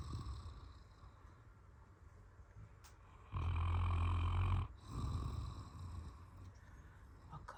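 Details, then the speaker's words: A loud, low, rattling snore lasting about a second, then softer breathing, from a sleeping Armenian Gampr dog during a daytime nap: snoring. "Собаки тоже умеют хропить Вот так мы спим тут похрапывает похрапывает Вот такой у нас тихий час сладко-сладко похрапывает"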